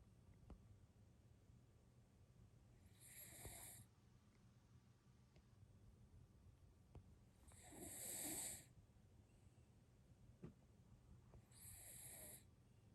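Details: Gentle snoring during sleep: soft, hissing snores at regular intervals, about every four to five seconds, in a quiet room.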